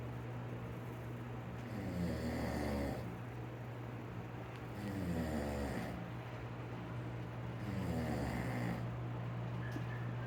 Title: My Dad Snoring